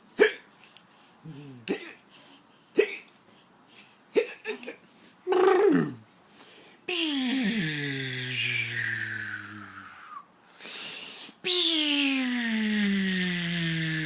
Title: Hiccups are funny